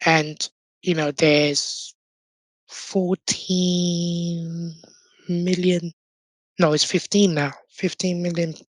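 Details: Tracheostomy voice in an adult man born six months premature with undeveloped airways. He had emergency surgery at birth, spent two years in an incubator and has lived with a tracheostomy since; prematurity heavily impacted his vocal cords.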